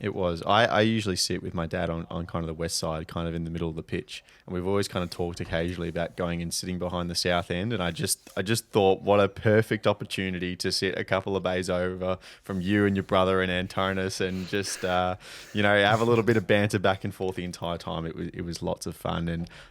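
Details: Adult male speaker; Normal conversational speech.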